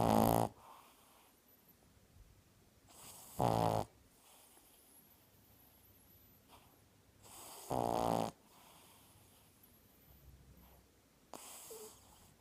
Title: Snoring 2... 2/28/15